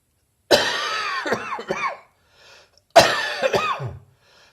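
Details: Wet, phlegmy productive cough.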